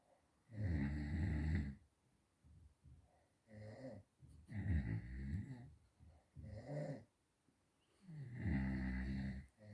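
Loud, rattling snores on each breath in, with softer noisy breaths between them at an irregular pace.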